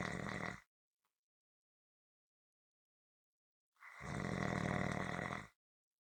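Long harsh vibrating snore with quiet gaps of about three seconds between breaths: steady rhythmic snoring.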